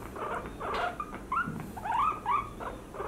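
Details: Young female guinea pig, day-1 vet consultation for loud wheezing; X-rays show left lung fluid, likely traumatic pulmonary haemorrhage, chest pain both sides; short high squeaks and chirps of pain during abdominal palpation checking for pregnancy.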